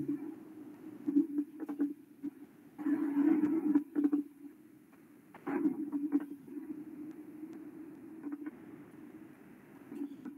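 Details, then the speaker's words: Fine crackles on chest auscultation, described as like rubbing hair between the fingers, brief soft crackling clicks over breath sounds with a low hum; fine crackles suggest pulmonary fibrosis. "eso son crépitos finos es como estrujar los cabellos no"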